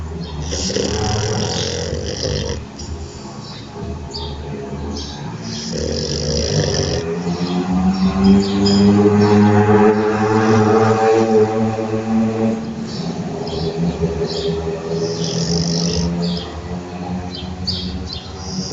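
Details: French Bulldog snoring and trembling while sleeping with its eyes open: continuous loud, droning snore with rattling, grunting noise over a fast breathing rhythm, noisy snoring from a flat-faced dog.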